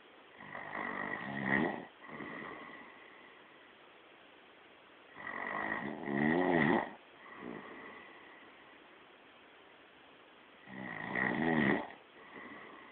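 Loud rattling snores on each breath in, about 12 breaths a minute, with quiet breathing out between them.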